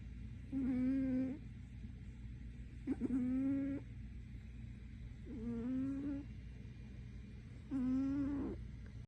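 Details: Sleeping female snoring, loud enough that she wakes herself up: four loud, tonal, buzzing snores, each about a second long, roughly 26 a minute, over steady room noise.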